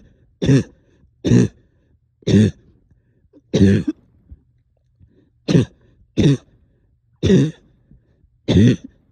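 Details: Productive cough in a person up all night with a heavy chest and headache: eight separate harsh, wet-sounding coughs in a quiet room, bringing up stubborn sticky phlegm.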